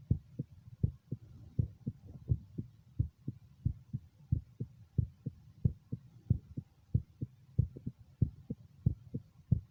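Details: Own heart recorded over the mitral area with stethoscope during echocardiogram: steady paired low heart thumps about 80–90 per minute over a soft low hum; normal heart sounds.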